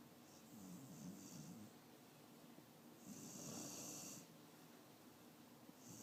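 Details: Old Bubba snoring while dreaming in sleep: slow, rough, rattling breaths, several snore cycles over six seconds in a quiet room; ordinary snoring.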